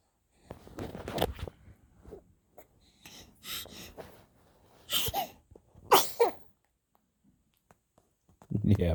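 Quiet snuffling, then two sharp, explosive sneeze bursts about a second apart, with soft talking nearby.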